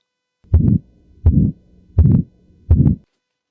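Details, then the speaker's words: Heart sound presented as a typical aortic stenosis-type systolic murmur: four regular beats, about 83/min, each followed by a harsh whooshing murmur; the same sound may come from a healthy heart during anxiety or stress. "आपने जो अभी सुना दिल की धड़कन की आवाज एक डॉक्टर अगर यही आवाज सुनेगा तो बिना हिचकिचाहट के बोल देगा यह तो एओटिक स्टिनोसिस है।"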